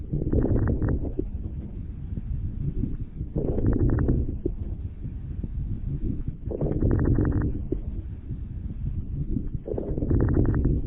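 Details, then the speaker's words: Four slow breaths at about 22 a minute, each opening with fine popping crackles over soft breath noise, typical over caudodorsal lung lobes: cardiogenic pulmonary edema crackles. "Agora vamos ouvir o som típico do edema pulmonar, um som chamado crepitação, que é mais comumente evidenciado na região caldo dorsal de lobos pulmonares. Isso quando falamos de uma creptação por edema pulmonar cardiogênico."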